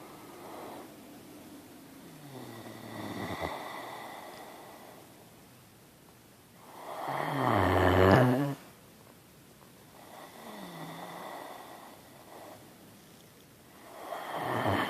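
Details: Rattling snoring from a 1.5-year-old Great Dane sleeping with head by owner's ear: slow snores rising and falling every three to four seconds, one breath much louder and harsher.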